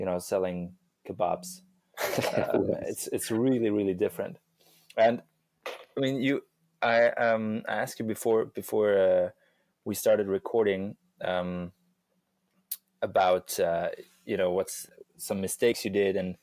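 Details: Adult male with real stuttering that he says is audible when he speaks; stuttering.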